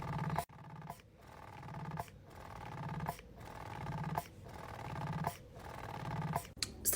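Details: Electric breast pump running during a 20-minute pumping session, repeated every 3 hours, by the mother of 2-week-old twins: steady rhythmic motor hum with a suction pulse about once a second.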